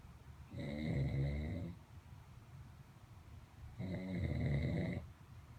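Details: Two low, rattling inhaled snores about three seconds apart, each just over a second long, over quiet room noise, recorded at 00:09; snoring.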